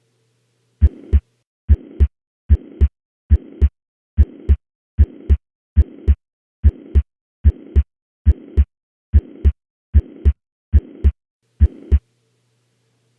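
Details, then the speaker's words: Mitral regurgitation murmur: a regular heartbeat near 70 a minute with a soft blowing murmur filling the gap between the first and second heart sounds. "Apex what's the most likely diagnosis mitro regurgitation"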